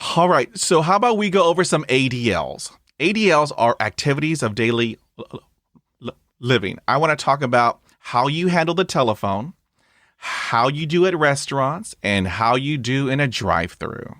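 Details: Adult who stutters, with blocks and repetitions; stuttering.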